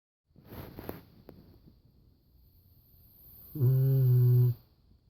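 Soft rough breathing noises, then one long loud low buzzing snore on a breath. Snoring in a sleeping dog.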